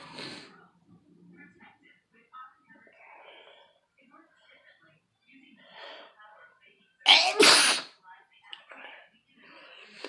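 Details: One sharp, explosive double sneeze rising out of faint background talk and room noise.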